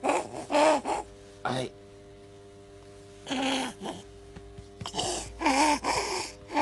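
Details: A child with viral croup: harsh, barking coughs with strained, noisy voiced breaths between them, with difficulty breathing; croup with barking cough and stridor.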